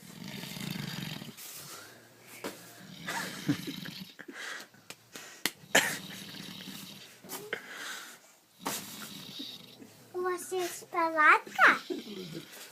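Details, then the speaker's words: Several people sleeping at Aibga Pass, snoring: rough, rattling snores, some with a whistling, high-pitched edge, mixed with faint room noise. "не спи Не храпи Шаха в не храпи не"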